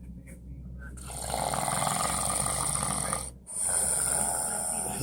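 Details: Man snoring at night beside his partner despite saying he doesn't snore, louder than the TV: loud, harsh, rattling snore sustained through the breath, with a brief pause before the next loud snore.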